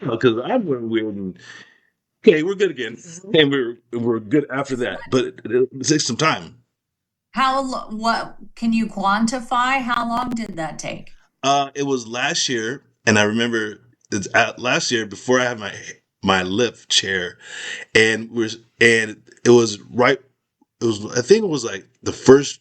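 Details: Aphasia after a stroke in an adult man whose skull was removed during recovery, with word-finding problems, repetitions and garbled sentences.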